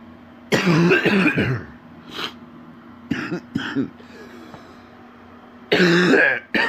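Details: Adult man, sick with an extremely stuffy nose, has a deep, harsh, horrible cough with a rattling, mucus-laden quality: a wet productive cough.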